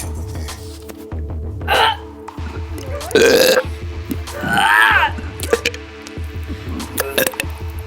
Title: The attack of the burps(scary edition)